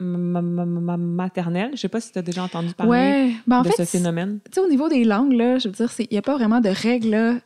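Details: Adult woman who self-identifies as a person who stutters; stuttering.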